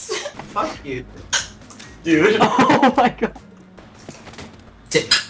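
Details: Several short, abrupt throaty gulps at irregular intervals amid faint background sound, a prolonged bout of hiccups.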